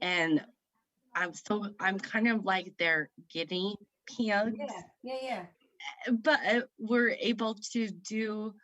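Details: Woman aged 38 at a stroke in September 2018, speaking about 3 years later; the stroke affected her right side and left her with aphasia; aphasia.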